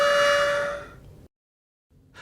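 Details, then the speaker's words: Brief loud steady high whistle fading within a second: the built-in warning whistle of a blue AeroChamber Plus spacer used with a metered dose inhaler, sounding when breathing in too fast. "the blue aroch chamber plus spacer has a built-in whistle which will sound if you breathe in too"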